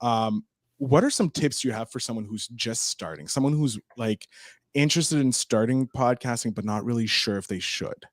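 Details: Adult man speaking; ordinary speech.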